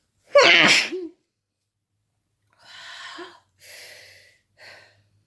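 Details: One loud explosive sneeze after a sharp intake, then softer breathy sneeze-like bursts, from a person feeling sick who woke in the middle of the night; a rapid sneezing fit.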